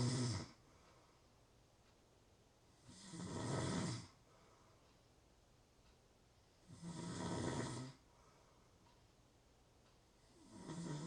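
Regular rough snores about every four seconds, roughly 15 breaths a minute, with quiet pauses between; ordinary snoring in sleep.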